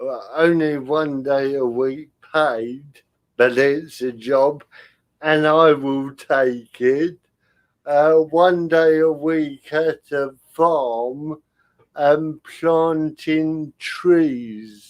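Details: Adult man with spastic cerebral palsy caused by lack of oxygen at birth, affecting limb control and speech; dysarthria in spastic cerebral palsy.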